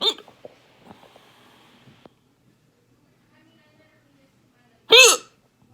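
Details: Hiccups in the ER that began after eating lunch: softer catches in the breath, then a sharp, loud voiced hiccup with a gulping cry quality. Hiccuping quietly may hurt in the throat.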